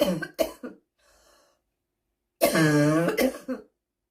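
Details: Smoker's cough, described as seasonal: three short harsh coughs, a faint breath, then a long rough throat-clearing with a final cough.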